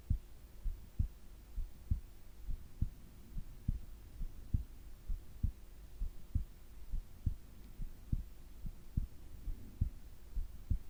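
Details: Heart and breathing sounds recorded during sleep: steady low heartbeat thumps at about 67 beats a minute over a faint hum, regular rhythm; normal heart sounds.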